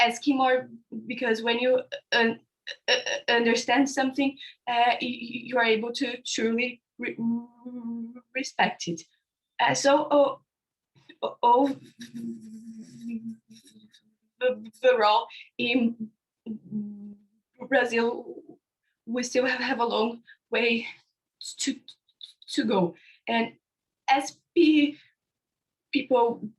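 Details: Young panelist from India who stutters (stammers), speaking about his own experience on a live online panel of young people who stutter. Stuttering.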